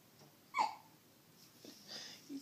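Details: Hiccups in an infant boy: a small, sharp, squeaky catch in the breath, likened to a little mouse, then fainter breathy sounds; he also had bad hiccups in the womb.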